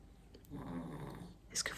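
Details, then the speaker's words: Soft, low rattling snore during one breath from a sleeping pet ("my little guy") at home, with faint room sound at the end; snoring. "que vous entendez mon petit bonhomme ronfler? Attendez, je vais vous approcher. Ça dort bien, hein?"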